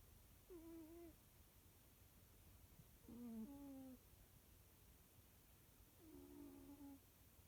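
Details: A healthy sleeping cat makes three soft, squeaky, tonal snores about every three seconds, roughly 20 breaths a minute, over faint room hiss: ordinary snoring.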